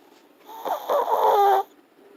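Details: Short, fluttering, whistly snore about one second long from Nugget, a sleeping long-haired teacup Chihuahua: ordinary snoring.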